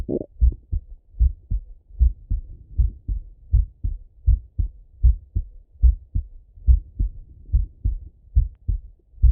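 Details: Adult male auscultating his own heart with a stethoscope while falling asleep; regular, steady lub-dub at about 76 per minute; normal resting heart sounds.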